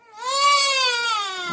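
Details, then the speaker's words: Sudden, loud, high wailing cry from a lying-down baby startled by the father's sneeze; a normal fright response. "아이고. 엄청 놀랐나봐. 대성통곡을 하네. 괜찮아요, 아빠예요. 아빠가 재채기했어요."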